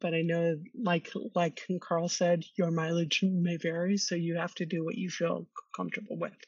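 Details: Stuttering in an adult woman who has stuttered since childhood, attended speech therapy growing up, and discloses her stuttering in job interviews; she co-hosts a webinar on workplace stress and anxiety for people who stutter.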